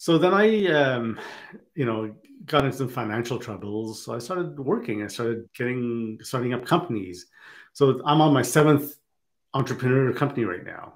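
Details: Adult who has stuttered since childhood; stuttering.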